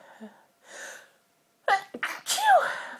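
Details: Sneezing from a dust allergy while trying to talk: quick breaths in, then a sharp sneeze with a voiced cry.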